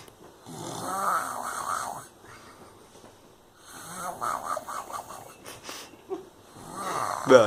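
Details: Two long, loud, rattling snores with a quiet pause between them, then a third beginning, from a sleeping drunken friend; snoring.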